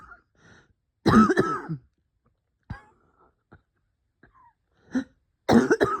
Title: bronchospasm coughing chest wheezing